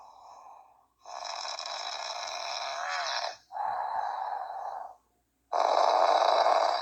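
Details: Adult man asleep, recorded around midnight: loud, harsh, hissing breath sounds, long drawn noisy breaths with short pauses between them: heavy snoring.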